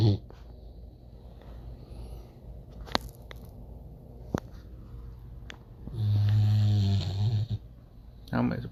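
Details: 3-month-old Cane Corso puppy sleeping in owner's arms: low, quiet breathing with faint clicks, then one loud, rough, buzzing snore near the end; snoring.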